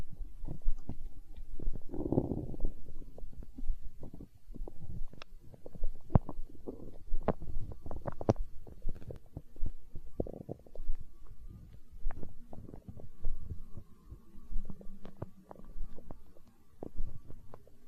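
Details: ASMR recording of a growling stomach tagged as hunger sounds: deep, rolling rumbles with low gurgles throughout; borborygmi.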